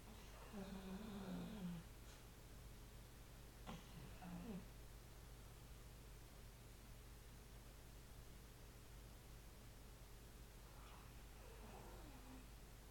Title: Yoshi snoring